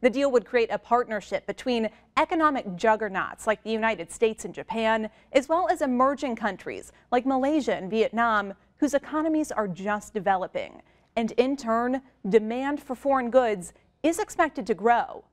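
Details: Adult female news anchor; Normal speech.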